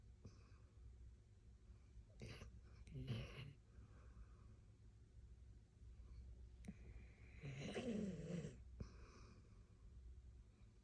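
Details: Female rescue Plott hound asleep, said to sleep like an old man: two soft, snorting breath noises a few seconds apart in a quiet room; light snoring.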